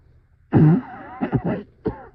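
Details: Harsh low cough followed by several rough, choppy coughs in quick succession, the start of an unusually severe coughing fit, described as the worst ever.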